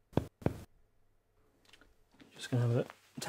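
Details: Adult's chest tapped during an OSCE respiratory examination: two short, flat thuds, a dull percussion note over solid or fluid-filled tissue.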